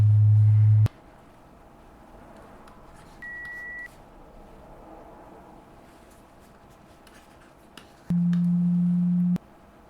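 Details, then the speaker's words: Steady pure tones at different pitches separated by quiet gaps in a simulated ASMR roleplay pure-tone hearing test; listener raises a hand at each beep. "Just raise a hand. It can be the same one over and over every time you hear a beep."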